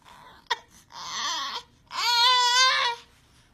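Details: Infant girl during a chiropractic adjustment, treated for trouble sleeping and latching onto one breast: a short sharp sound then two loud wailing cry bursts, rising and falling, in a small quiet room.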